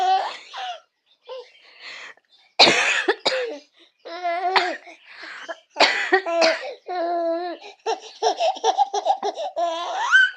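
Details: A mother coughs while her baby laughs: a few sharp adult coughs mixed with the infant's bright, repeated laughter in a small room.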